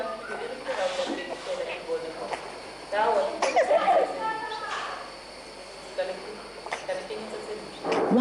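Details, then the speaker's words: Expiratory grunting in a sick child aged 2 months to 5 years: short voiced grunts on breathing out, judged to be difficult breathing with no stridor or wheezing. "did you decide we heard a grunting noise when was breathing out and established that the child was having difficulty in breathing"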